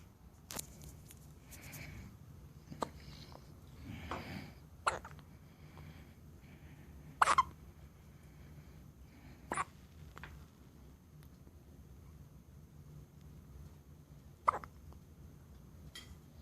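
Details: One-day-old baby with hiccups: brief, sharp gulping hiccups, about six over sixteen seconds, spaced irregularly in a quiet room.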